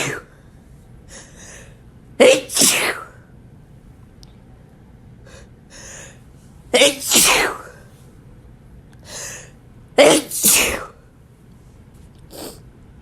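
Three loud sneezes, each with a sharp burst and quick follow-through, separated by quieter intakes of breath; ordinary sneezing.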